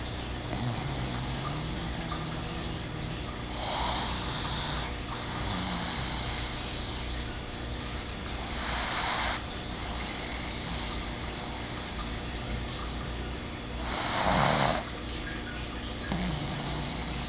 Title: Lola pug sleeping snoring relaxing